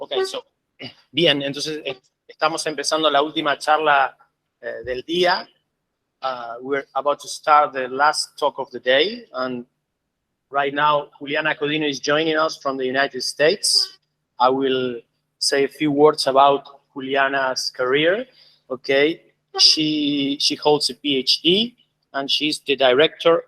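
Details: Adult man speaking; normal speech.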